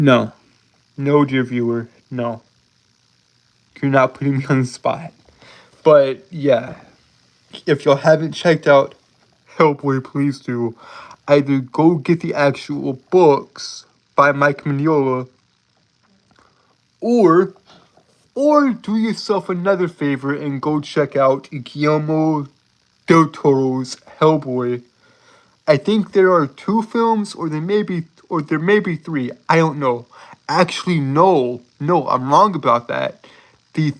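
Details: Lifelong stuttering present since birth in an adult male, self-described as holding syllables rather than repeating sounds; real, not acted; stuttering with prolongations and blocks.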